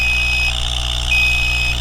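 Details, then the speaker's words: Steady high-pitched alarm tone over loud pump hum: low pressure alarm on an APM2 alternating pressure mattress pump with the audible alarm on, after a disconnected connection. "your audible alarm is on now therefore you're gonna audibly hear that the low pressure light did come on to silence that alarm simply press the button and check your connections"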